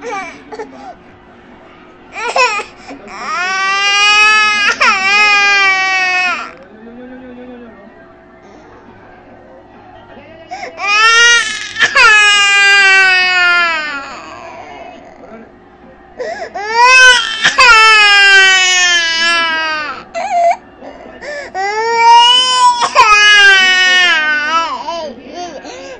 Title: cutest baby cry